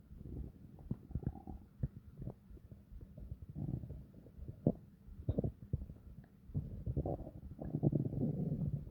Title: Long and deep stomach growls to relax